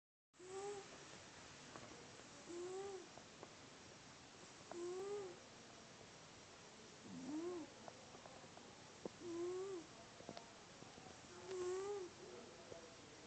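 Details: A cat breathes at about 27 breaths a minute, each breath carrying a squeaky, whistling tone; a wheeze.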